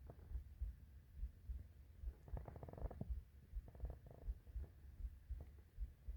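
Low, irregular rumbling and gurgling with brief bubbly bursts; ordinary hunger stomach growling.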